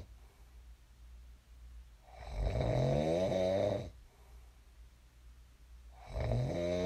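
Loud, low, rattling inward snores separated by quiet breathing out; ordinary snoring during sleep.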